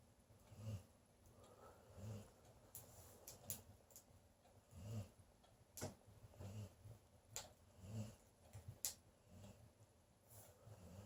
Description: Leela the dog snoring